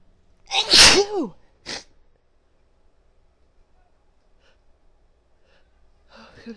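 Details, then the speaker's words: Female sneezing desperately in a long run: a loud voiced "achoo" sneeze, then a short second burst, followed by quiet breathing and the start of speech about needing to sneeze again. "I gotta sneeze again. Wow. Oh my god, I can't tell you how good this feels."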